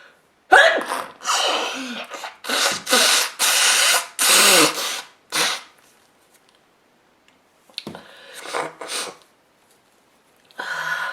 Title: Woman sneezes a lot and blowing her nose in handkerchief